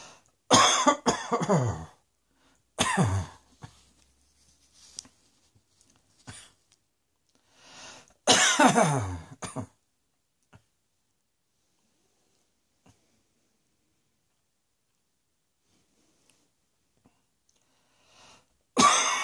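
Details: Several loud, harsh cough bursts from one adult, some in quick runs, separated by quiet pauses.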